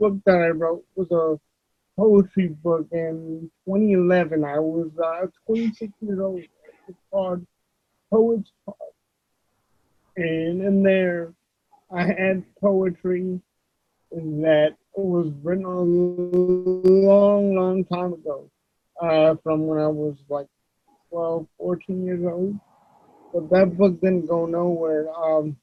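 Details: Adult male with cerebral palsy; voice-recognition software reportedly fails to understand him about half the time; dysarthria due to cerebral palsy.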